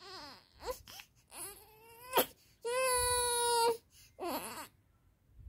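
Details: 19-day-old baby crying: short wailing cries and one sustained, steady, clear cry with brief pauses for breath; ordinary newborn cry.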